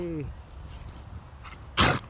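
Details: Boerboel dog coughing and spluttering while clearing a bit of bark from its throat, chewing bark being a favourite pastime: a brief tonal vocal sound, then one sharp, explosive cough-splutter.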